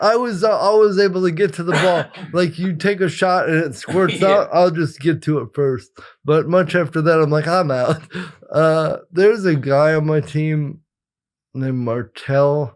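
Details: Dysarthria in an adult male with congenital cerebral palsy, attributed to brain injury or lack of oxygen at birth after an emergency C-section.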